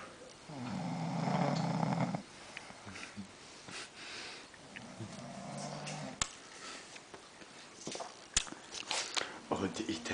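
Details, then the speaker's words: Sleeping dog snoring: one long, low, buzzing rattle, then a softer one seconds later, with faint room noise and a few clicks. "Il s'est endormi. Vous l'entendez ronfler. Vous entendez?"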